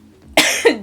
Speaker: uh as you can hear I still have a bit of a cough this is just the way of it this is just how it is folks